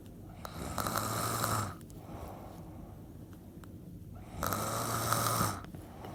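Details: Person snoring: two loud, rattling snores with a whistling tone, each about a second long, separated by quiet exhalation, roughly ten breaths a minute; regular snoring.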